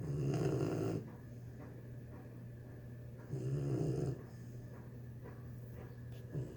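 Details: 3-month-old pitbull puppy snoring in the bathroom after a hard day: soft snoring, two low rumbling breaths with quiet exhalations between, over steady low room hum.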